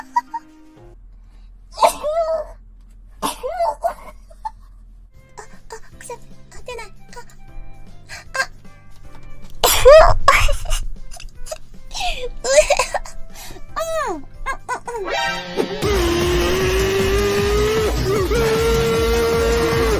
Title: HOLOLIVE SNEEZE COMPILATION Part#3